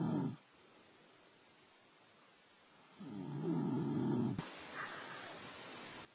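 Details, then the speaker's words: Snoring from people sleeping in a camper at a camp, recorded overnight, with knocks heard between the snores; snoring. "so here's here's another recording of a camp when we're we're sleeping and you hear knocks in between uh the snoring and uh we'll take a listen to this"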